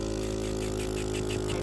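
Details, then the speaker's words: A home care suction unit with a sleeved suction catheter, switched on before suctioning a child's tracheostomy: a steady low motor hum as the unit runs. "We use about one of these every day. Going to turn it on by hitting this power button."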